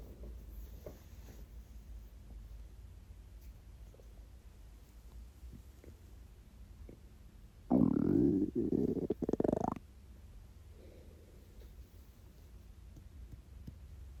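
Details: A single loud gurgling stomach growl of about two seconds over quiet room noise, recorded during a 24-hour fast; hunger borborygmi from an empty stomach.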